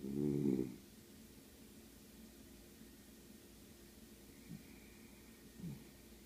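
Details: Sleeping dog: one loud rattling snore at the start, then two faint snuffling breaths in a quiet room; snoring.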